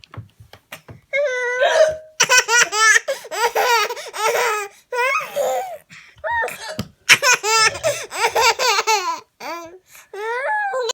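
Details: Brief, sharp hiccup sounds from the mother between bursts of loud, hysterical infant belly laughter; hiccups.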